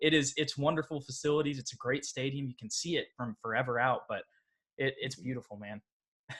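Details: Adult man speaking; ordinary speech.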